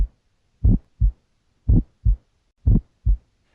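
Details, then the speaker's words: Pulmonic ejection click on cardiac auscultation in an adult patient lying back, heard best at the pulmonic area: regular heartbeat near 60 a minute with a sharp, high-pitched click just after S1. "ejection clicks are high pitched and result from faulty opening of the semi lunar valves a pulmonic click is heard best in the pulmonic area during"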